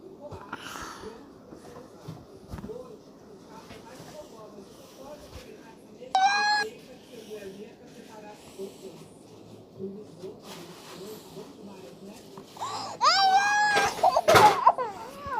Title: Baby Crying Sounds SOUND EFFECT